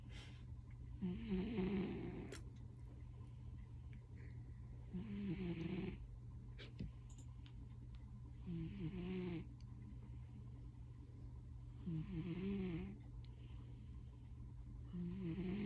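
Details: Loud snoring in a sleeping male cat: regular soft snoring with rattling inhalations about every 3.5 seconds, roughly 17 breaths a minute, over a steady low hum.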